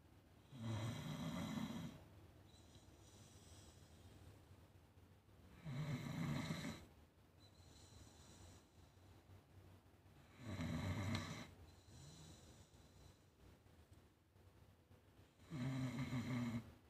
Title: Proof Pepper Snores